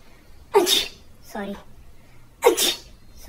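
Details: Two loud sneezes with a short voiced sound between them, presented as types of sneezes; sneezing.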